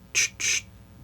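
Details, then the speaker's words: Vocal imitation of a pericardial friction rub: two quick hissing, scratchy, static-like bursts. The rub is described as a three-part extra heart sound, one systolic and two diastolic components, heard over S1 and S2. "but it almost sounds like static going over it's best that you just go listen to it better than listening to me try to do it"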